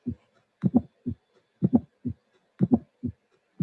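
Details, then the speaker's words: Simulated aortic stenosis at about 60 beats a minute: a sharp, high-frequency ejection click immediately after each first heart sound, played alone before the ejection murmur is added. "So it's very clear. There is a high frequency sound immediately after the first sound."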